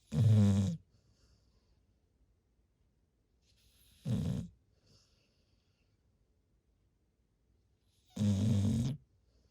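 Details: Large retriever dog asleep on a pillow: three rumbling snores about four seconds apart, roughly 15 breaths a minute, with silence between; snoring.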